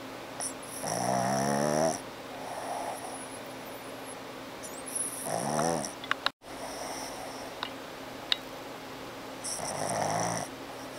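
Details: Snoring with a squishy face: loud buzzing snores on the in-breath roughly every four to five seconds, with quieter out-breaths between.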